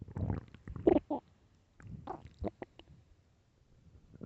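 Gurgling, rumbling stomach growls in several bursts separated by quiet gaps; ordinary hunger bowel sounds.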